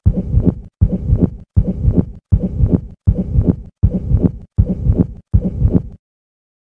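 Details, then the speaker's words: Two-component pericardial friction rub, with only systolic and diastolic components and no presystolic one: regular scratchy, grating heart sounds at about 80 a minute. "if there is a two component friction rub you will hear only the systolic and the diastolic components"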